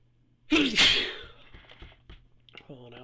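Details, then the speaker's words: A loud, explosive sneeze followed by fading breathy sounds; the last of a series of sneezes, this one set off by bright light (photic sneeze reflex). "last one was assisted by the photic reflex."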